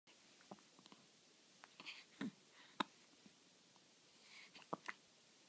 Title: Baby hiccups June 13